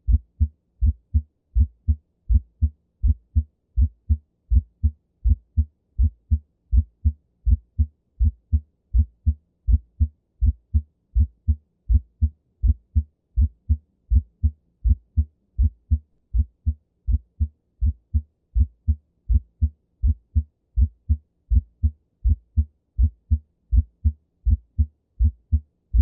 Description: This is the sound of a split S1 heart sound. This heart sound is usually a normal finding in most people but can be heart in people with a right bundle branch block.